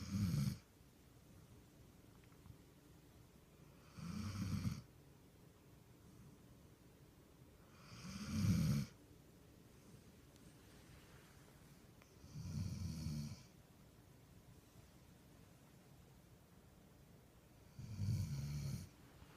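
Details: Female dog sleeping on her back, snoring like a human; regular low rumbling snores on each breath in, about 15 a minute, with quiet pauses between them; snoring.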